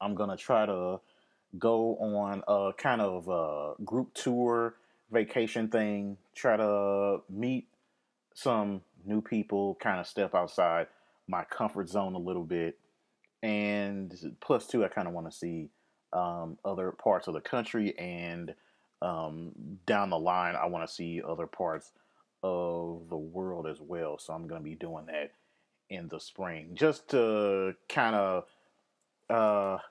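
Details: Adult male podcast host with a lifelong occasional stammer, with word repetitions; stuttering.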